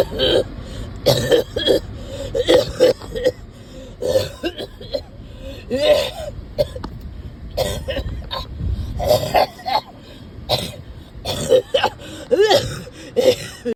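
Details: Persistent cough in an adult who is constantly lying down and becomes winded walking short distances. Repeated harsh coughs come in clusters, with throat clearing and strained breaths between bursts.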